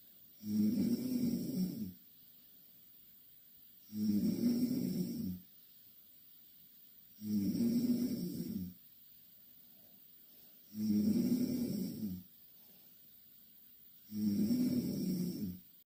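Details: Five regular low rattling snores on the in-breath, about 18 breaths a minute, with quiet pauses between; the finding is snoring.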